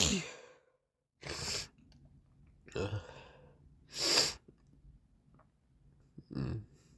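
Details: Morning sneezing with a runny nose: several sharp, explosive sneezes in quick succession, with wet nasal sniffing between bursts.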